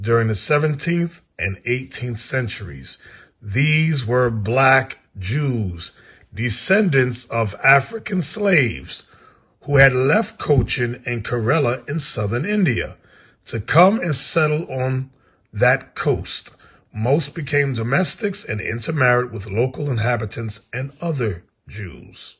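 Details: Adult male narrator; normal voice.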